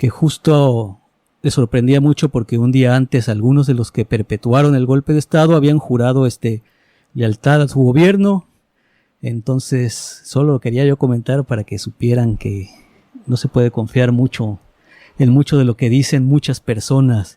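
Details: Adult male speaker; typical speech.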